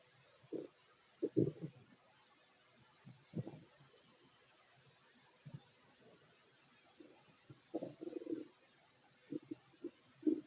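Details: Fit adult male's stomach growling while eating a plate of sandwiches: irregular soft gurgles and rumbles in clusters, ordinary bowel sounds of digestion.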